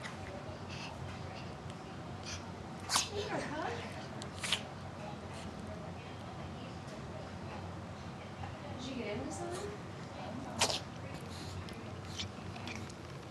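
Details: A Chihuahua having a sneezing attack: several short, sharp nasal bursts over quiet room noise.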